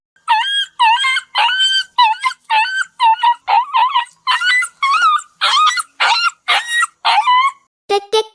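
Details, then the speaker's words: Small dog gives a rapid series of sharp, high-pitched yelps, a sudden cry indicating pain; dog yelping. "cri est un cri soudain et aigu qui indique que votre chien traverse quelque chose de douloureux ."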